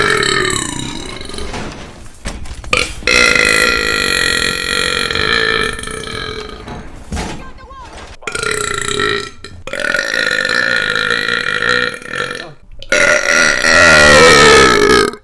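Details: Gamer repeatedly belching while gaming: long, loud, drawn-out belches in series with brief pauses between them.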